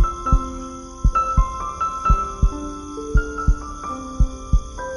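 Soft low thumps near 57 a minute, under piano and ambient music; a steady heartbeat used as a sound effect.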